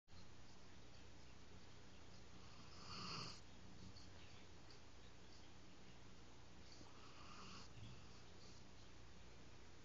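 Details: Two soft, rasping snore-like breaths about four seconds apart over a steady low rumble from a sleeping pet: snoring.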